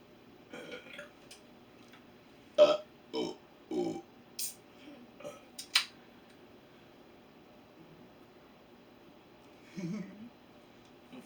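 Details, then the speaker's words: Several loud, low croaking burps in a row over a few seconds, with faint room noise. "Zoinks. I've had burps like that before. I couldn't hold it in."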